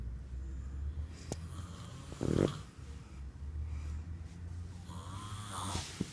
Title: NYC snoring